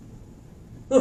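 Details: After a quiet pause, an adult voices a brief high-pitched, tonal squeal imitating stridor during a pediatric respiratory emergencies class.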